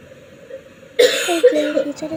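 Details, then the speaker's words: Child coloring a school assignment coughs once loudly, with a brief throat-clearing tail over quiet room sound; a single cough. "itu ada suara batuk. Maaf ya. Oke, suara batuk."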